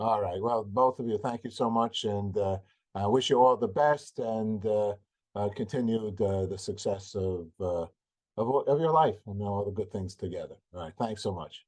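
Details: Adult male speaker; normal speech.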